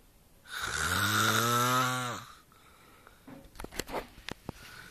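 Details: Brother snoring: one long, loud, tonal snore lasting nearly two seconds, low droning moo-like quality, followed by quiet rustling and small clicks.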